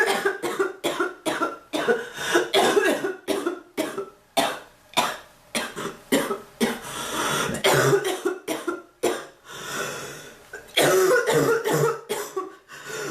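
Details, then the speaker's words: Ongoing cough; repeated harsh coughs in close runs, about twenty bursts with brief gasps between; frequent persistent cough. "I've been coughing so much the bird learned to cough. Like, really? I hate that fucking bird. I was better off having bronchitis. I wish I didn't have to have a cough right now."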